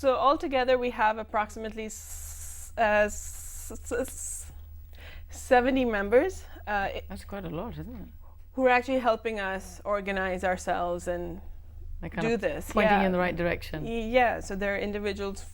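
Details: Adult woman who stammers, speaking in a TV talk-show interview; stammering.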